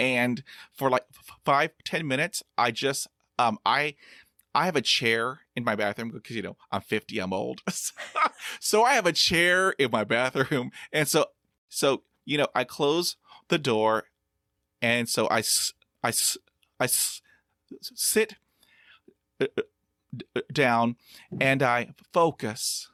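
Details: Stuttering in a 50-year-old man; audible part-word repetitions; stuttering.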